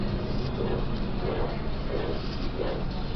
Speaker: Thus we have the crescendo-decrescendo shape, which is a term borrowed from music in which a sound gradually increases in volume and then decreases in volume. Here's an example of such a crescendo-decrescendo murmur of aortic stenosis.